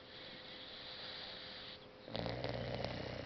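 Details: A hissing breath, then a rattling, snorting snore; a 6-month-old boxer puppy sleeping deeply, dreaming and snoring on the couch.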